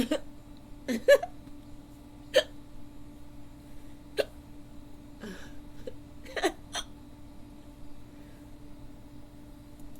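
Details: Young woman trying to fall asleep, hiccupping off and on for about 15–20 minutes: sharp, brief vocal hics at irregular intervals, about eight in ten seconds, over a steady background hum; audio role-play; hiccups.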